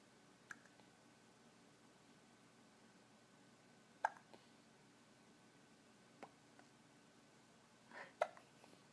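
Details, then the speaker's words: Brief, sharp, quiet catches of breath at irregular intervals, about 14 a minute, in a quiet room, while a caregiver asks "do you have the hiccups, honey". Hiccups. "do you have the hiccups oh no not the hiccups honey"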